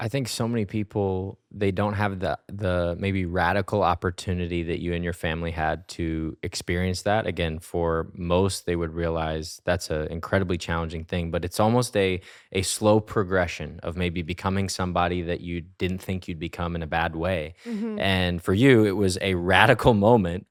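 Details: Adult male speaker; normal speech.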